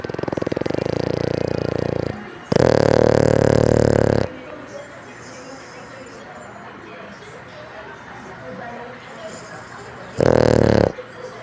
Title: frenchbulldog Snoring ❤️ #nature #doglover #highlights